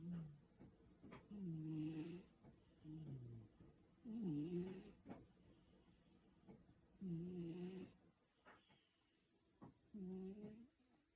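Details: Cat named Fred snoring; snoring.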